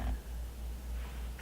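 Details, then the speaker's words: Adult woman's stomach growls audibly during a makeup session; she says she is not hungry: stomach growling (borborygmi). "the one in the corner because my stomach is growling yeah so if you hear it I don't know why because I am not hungry but yeah it's making noises"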